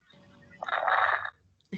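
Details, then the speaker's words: Inspiratory crackles played in a pulmonology teaching session: a brief, rough crackling burst at the end of inspiration, likened to rubbing hair by the ear or crumpling paper, from collapsed alveoli popping open. "al final de la inspiración es donde se van a encontrar los crepitantes y es como si ustedes frotarán bueno los que tienen cabello en largo el cabello los frotan en en la oreja"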